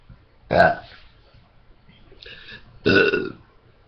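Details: Burp contest: two loud, drawn-out voluntary burps about two seconds apart, with quiet room noise between them; belching.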